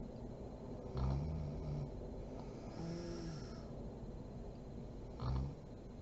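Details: Two low, rattling snores on inhaled breaths about four seconds apart from a sleeping adult woman (mom), with steady room hiss between; ordinary snoring during sleep.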